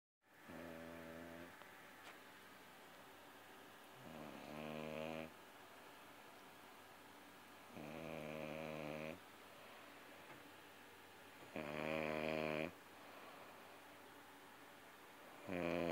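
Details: Loud, rough, buzzing snores from a woman on each breath in, about one every 3.5 seconds, over steady room hum; ordinary snoring.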